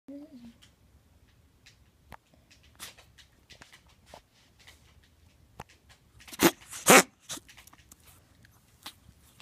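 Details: Ferret with heart disease and congestive heart failure, recorded February 2016: two short, harsh cough bursts in a quiet room, a cough due to congestive heart failure.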